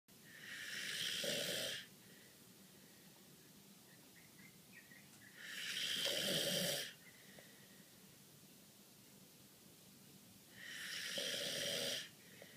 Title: July 26 2013 Papa is snoring